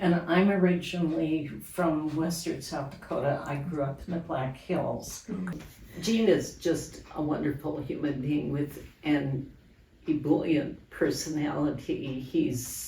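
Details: Adult woman speaking; Normal speech.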